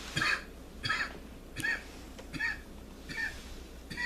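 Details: About six short, rough coughs in a row over faint background noise, a repeated dry cough after inhaling smoke from herb burned in a cup, presented as a purifying healing cough.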